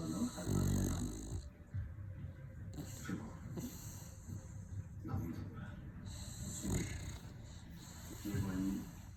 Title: Snoring at 100 dB while eating imaginary bacon.